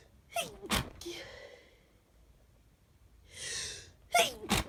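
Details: Several sneezes, some stifled and some let out fully, with breathy in-breaths between, from a person with half a cold, stuffy nose and runny nose; stifled around others, let out alone; sneezing.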